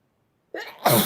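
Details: A quick indrawn breath followed by one sharp, explosive sneeze; an ordinary sneeze from a sneezing compilation.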